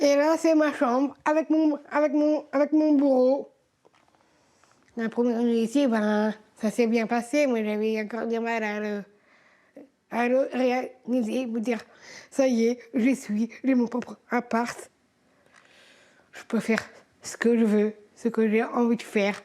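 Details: Woman aged 39 with trisomy 21, repeating words; speakers say people with the condition have language problems and speak more slowly; speech disfluency in Down syndrome.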